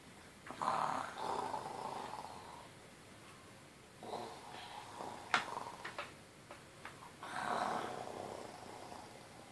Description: Three years Son pretending to be asleep with dad while snoring. Funny